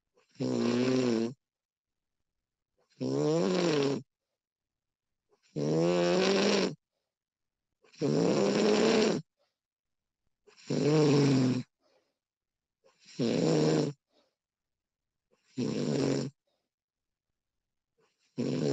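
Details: Steady rhythmic snoring, about eight snores in 19 seconds, each a vibrating in-breath followed by silence, from a woman recorded during sleep; snoring.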